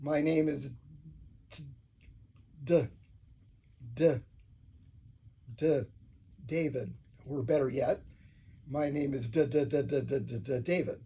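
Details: Adult man who stutters demonstrating stuttering on purpose when introducing himself; voluntary stuttering.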